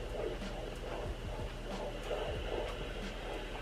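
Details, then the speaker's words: Home baby Doppler used by a pregnant woman with a very active baby: fast, rhythmic whooshing fetal heartbeat, partly masked by hum and movement thumps; hard to pick up because the baby moves a lot. "This is a baby Doppler, but we wanted to hear the heartbeat. I really can count the times I've done this because it's not really recommended so much, but we found the heartbeat."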